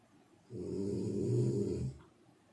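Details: One long, low, rattling snore on an in-breath, about a second and a half; snoring.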